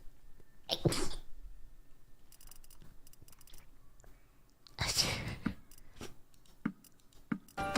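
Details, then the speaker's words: Two sudden explosive sneezes a few seconds apart during a livestream, each preceded by a short intake, in a quiet indoor room; one came while trying to say "achoo." "I said I tried to say a chew and then I ended up sneezing Midway going through thank you I bet that was really loud sorry for your ears guys"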